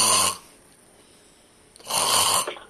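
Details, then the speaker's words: An adult imitating throat snoring: two harsh, rattling snore-like breaths from the back of the mouth, heard straight through the throat. "Because there's different type of snoring. So they're snoring like this."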